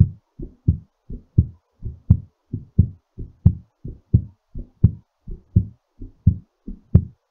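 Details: Fast, steady heartbeat at roughly 88 to 90 beats per minute during recovery after exercise; normal finding.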